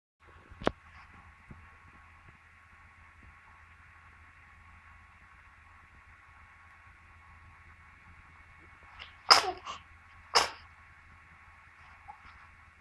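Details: One-month-old infant: two sharp explosive sneezes close together after a soft lead-in breath, over low room hum; sneezing.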